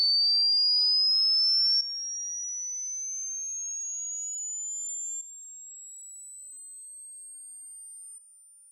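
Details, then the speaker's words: Simulated high-frequency hearing test presented as audible only to babies: pure high-pitched tones that slowly rise in pitch and step down in loudness, becoming harder to hear. "Now I will show you different levels of this high frequency sound, and at each level it's gonna get harder and harder to hear until it reaches the point where only babies can hear it."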